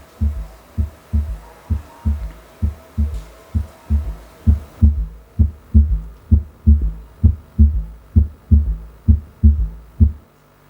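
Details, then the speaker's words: S3 gallop in a patient with overt heart failure, attributed to a dilated, thinned ventricle with rapid early diastolic filling: regular low heartbeat about 65 a minute with a gallop cadence from an extra early diastolic sound. "whenever in the early diastolic phase rapid feeling is occurring and that give rise to development of s3"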